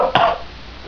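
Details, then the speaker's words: An adult's bad cough: a single short, harsh cough burst, with faint room or video game noise before it. "Yes, as you can probably hear, it's a very bad cough."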